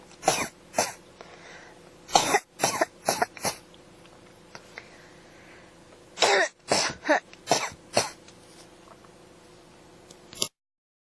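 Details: Persistent, non-stop cough (ASMR recording): clustered dry coughing bursts over about ten seconds, around a dozen coughs with throat clearing between.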